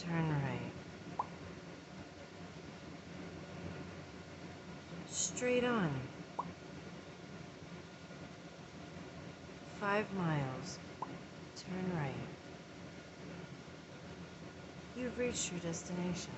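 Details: Worsening vocal tics that occur sporadically throughout the day, including a tic imitating GPS navigation phrases that usually occurs while driving; vocal tics.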